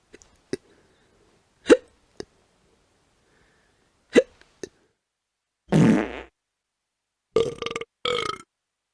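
A few short clicks, then three voiced burps near the end, the last two brief and tonal.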